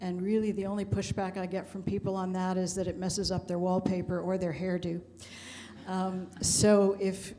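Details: Adult woman speaking; typical voice.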